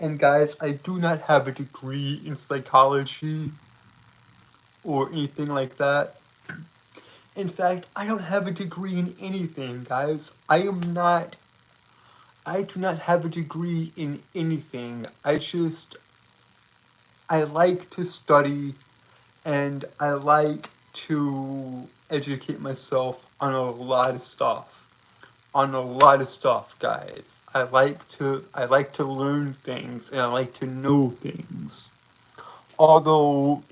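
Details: Self-reported speech impediment in a male streamer, who says it keeps him from speaking clearly; stuttering-like disfluency with repeated words and phrases.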